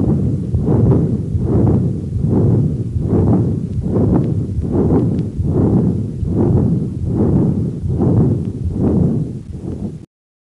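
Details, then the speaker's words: Patent ductus arteriosus in an infant: continuous rumbling, machine-like murmur that swells with each beat and never falls silent; educational example. "Patent ductus arteriosis. PDA typically causes a continuous machine-like murmur. It sounds like"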